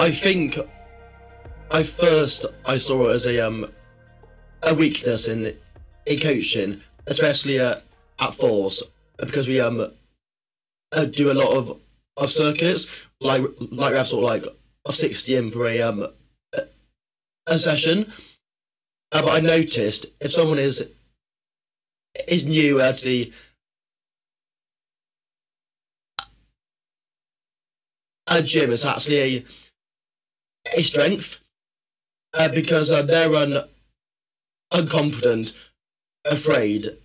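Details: Adult male, former army medic, with a stammer since about age six that worsened in secondary school, improved after leaving the army, and is worse when tired, stressed or nervous; stuttering.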